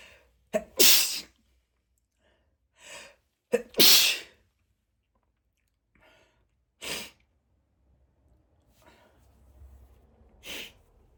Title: spray sneezes (M)